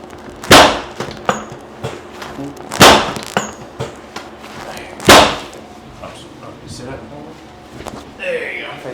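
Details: Three loud sharp pops about two seconds apart with softer clicks between: joint cavitations as the chiropractor sets the head back over the shoulders in a neck adjustment, in a baseball player with low back pain from deadlifts and shoulder problems.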